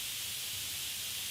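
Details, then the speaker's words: Steady, bright, mostly high-pitched hissing with no breaks, a tinnitus masking noise tuned separately per ear with different maskers and volumes in each ear. "As you hear now, you can have different maskers for each ear. You can also have different volumes for each ear."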